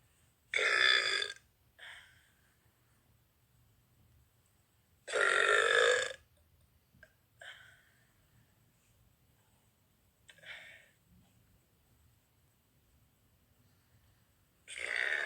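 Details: Young woman burping: three long, loud, voiced belches with several shorter, softer burps between them in a quiet room; repeated burping.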